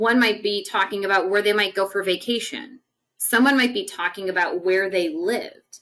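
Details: Adult woman speaking; Normal speech.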